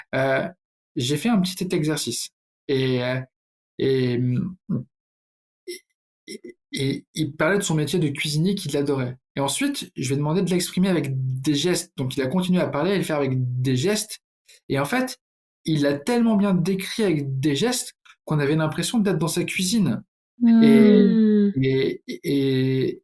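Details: Adult man who stutters, speaking French, with word and phrase repetitions; stuttering.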